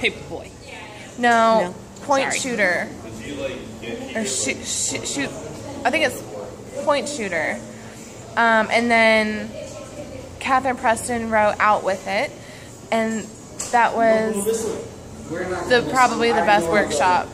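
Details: Adult woman who says she stutters; stuttering.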